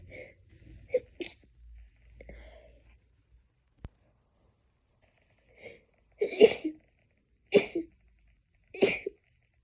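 Several short, stifled sneezes in a run, each a muffled burst with the mouth held closed, after quieter breathy sounds.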